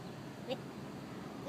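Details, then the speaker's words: A young girl with hiccups, filmed at home while her mother judges which ones are real: a real hiccup followed by a pretended one. "That is a real hiccup. That was not real."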